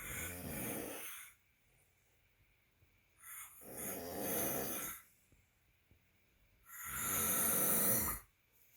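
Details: Snoring recorded January 5, 2020: loud, rough snores with each breath in, about three in nine seconds, separated by quiet pauses; ordinary snoring.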